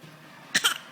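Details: Young child fake coughing on purpose while an adult asks to hear the bad cough: two quick, light voluntary cough bursts, not from illness.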